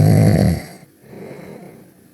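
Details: Snoring from two sleepers: one loud, low rumbling snore fading into quiet breathing noise.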